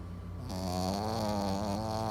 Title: Cute puppy snoring